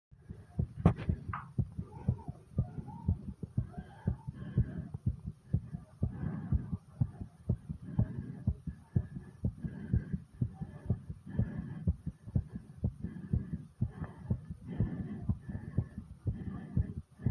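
Rapid, strong, regular heart thumps after exercise, a normal response to exertion.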